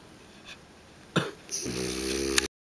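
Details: Pig snoring.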